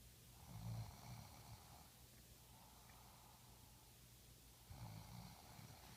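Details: Ordinary snoring: two low, rumbling snores about four seconds apart, with quiet room noise between breaths.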